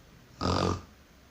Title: My snore today❤